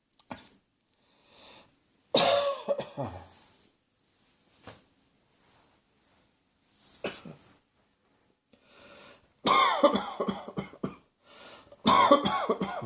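Repeated coughs of varying strength with breaths between, including two forceful clusters near the end.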